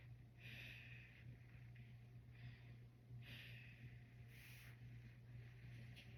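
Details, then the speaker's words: Soft airy breaths through a stethoscope over steady low hum during anterior lung auscultation in a head-to-toe exam, patient breathing full cycles; normal breath sounds, no wheeze, crackles or consolidation. "And we nor note normal breath sounds and no consolidation."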